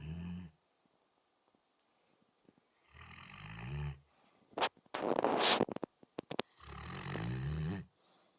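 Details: A sleeping Alabai (Central Asian Shepherd) dog gives three low, rumbling snores about four seconds apart, with a brief snort and rustle between them.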